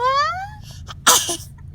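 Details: A baby boy laughs and sneezes while playing peekaboo: sneeze.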